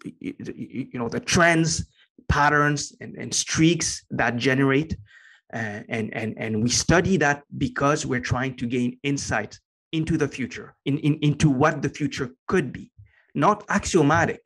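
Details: Adult man with a lifelong stutter he has had as long as he can remember; with meditation he has more control over it and says it is now barely audible; stuttering.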